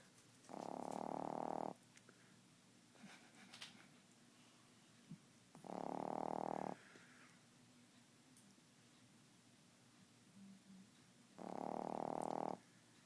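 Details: 3-month-old named Nibbler snoring loudly: three buzzing, droning snores about a second long, spaced several seconds apart in a quiet room.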